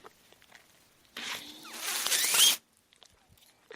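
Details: Speaker's own mechanical ventilator heard while they talk on a podcast; the sound of the ventilator running.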